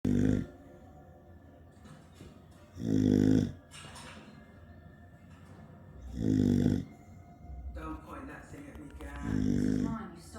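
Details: Three loud rumbling snores about every 3 seconds with a quieter hiss between them, over background television talk; snoring.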